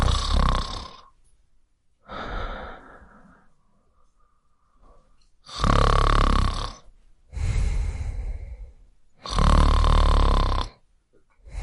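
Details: Snoring during sleep: loud, rough, rattling breath noises repeating about every two seconds with brief quiet gaps.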